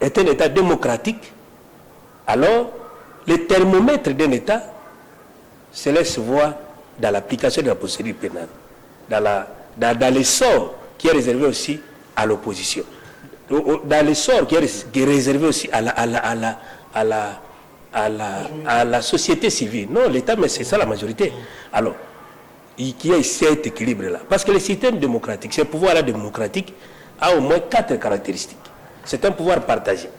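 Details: Stuttering in a male speaker who says he stutters and that listeners sometimes understand him poorly; repeated syllables are heard in spontaneous French speech.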